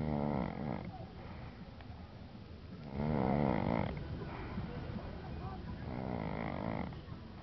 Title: schnarchen beim Force